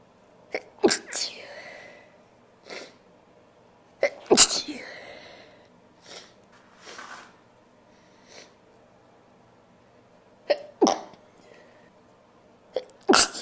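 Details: Female with tissue-induced sneezing: several forceful sneezes in clusters with sniffles and breathy gasps between them, then a final sneeze.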